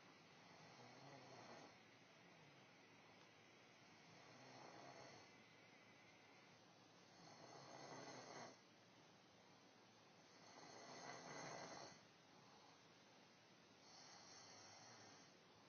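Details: Rough, rattling snores from a woman who denies snoring, on each breath in, about 18 breaths a minute, with quieter breaths out between; ordinary snoring during sleep.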